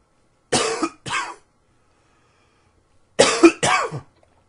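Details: Two pairs of short, harsh coughs, four coughs in all, separated by a quiet pause.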